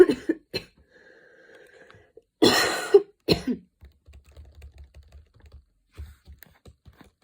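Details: A person having a cough attack while studying that started minor and worsened, changing positions while standing; several harsh, forceful coughs in close succession with throat clearing; coughing fit.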